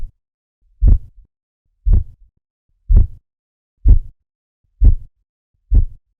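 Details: Manual blood pressure practice recording reading 102/60 mm Hg: regular low tapping Korotkoff sounds at about 62 per minute, starting at systolic and ceasing at diastolic pressure.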